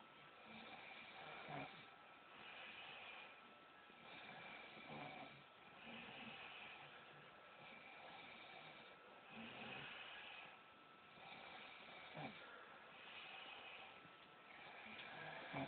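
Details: Snoring: soft, rough, rhythmic breathing snores, about 18 a minute, with a faint steady hum in the background.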